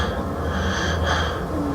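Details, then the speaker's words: Harsh, noisy airflow with rough snorting sounds through the tracheostomy tube of a 90-year-old woman with laryngeal paralysis whose larynx is completely closed; family wanted the tube removed, which was not possible. "escuchan ese sonido es el sonido del tubo"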